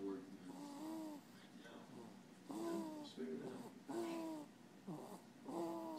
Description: in a deep sleep, snoring :)